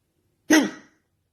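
One abrupt, short voiced gulp that cuts off quickly in a quiet room; a single hiccup.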